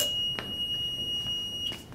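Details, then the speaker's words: Hamilton G5 mechanical ventilator pre-use check: steady high-pitched tone with a few soft clicks in a quiet room as the ventilator powers on and runs its self-test. "it's gonna do its own little power test thing right over here or check"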